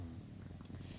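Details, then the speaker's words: Bulldog snoring in the background of a quiet room: a soft, low, rattling rumble. "disclaimer real quick that I have two Bulldogs in the room with me and one is snoring away having himself a time so if you hear that in the background that is Mason it just cannot be helped"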